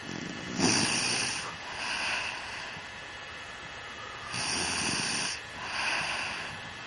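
Regular harsh, rasping breaths with hissing noise, each lasting about a second, in a steady breathing rhythm: snoring.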